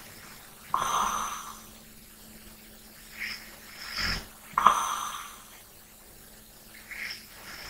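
Slow breaths, about 16 a minute, with a snorting rasp on the in-breath and faint hiss out: snoring.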